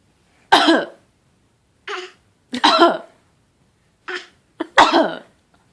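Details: A child gives three deliberate, fake coughs, each with a short lead-in hack, in a quiet room; voluntary cough.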